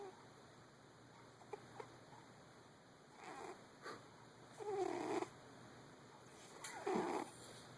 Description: Fiona snoring and dreaming her little cat dreams